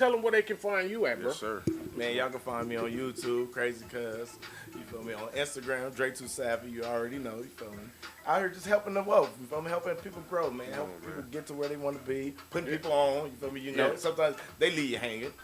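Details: Adult male speakers in conversation; typical voice.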